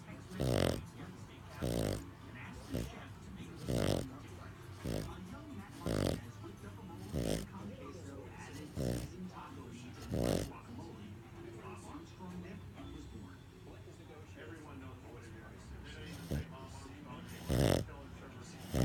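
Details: Pug sleeping after a hard day at doggy day care, snoring: repeated snorting, rattling snores at irregular intervals in a small flat-faced dog, with background talk.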